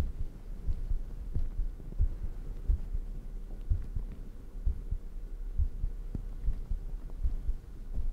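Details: Heartbeat in an ASMR recording made at high microphone sensitivity, described as fast: soft, muffled low thumps at a fairly quick steady pace over low hum, possible shirt noise.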